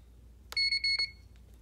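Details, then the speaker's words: Magaw360 syringe pump (Infuser, Prefusor, Mini 150 or 300 XL) started with no syringe loaded: three short, shrill, high-pitched beeps in quick succession. This is the pump's alarm; it also alarms for occlusion, low battery and infusion complete. "same thing if there's an occlusion it'll alarm attention otherwise it has the low battery and infusion complete"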